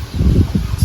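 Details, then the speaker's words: Sick calf examined by a veterinarian with a stethoscope on the chest: low, irregular bubbling and rustling like a pot boiling, crackles from secretions in one lung quadrant; pneumonia, possibly recovering. "it's a lot like a pot bubbling, that's also the sound. the secretion in this quadrant of her lungs is now cleaner, but in this quadrant she has secretions Uh, so that means she has pneumonia"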